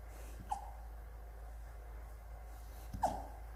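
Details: Rottweiler puppy with two brief, sharp hiccups about two and a half seconds apart over low room hum; hiccups.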